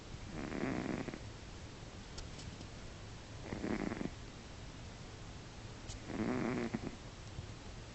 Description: Very short clip of my cat Mindy snoring :-)